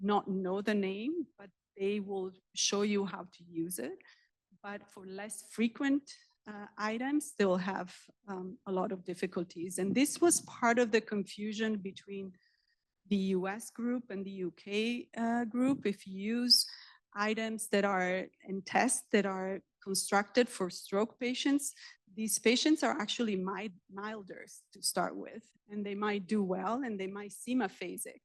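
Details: Adult woman speaking; normal speech.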